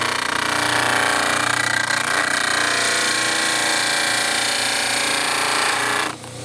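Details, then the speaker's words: Dental model trimmer wheel cutting a denture model while trimming the edges without removing tissue: loud continuous rough grinding and whirring, ending abruptly. "you want to make sure you don't trim any of the tissue away while you're getting the edges very easy to do because it's tough to see in between the trimmer wheel and the"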